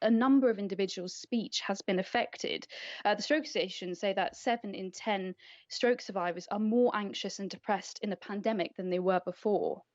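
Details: Adult woman speaking; typical speech.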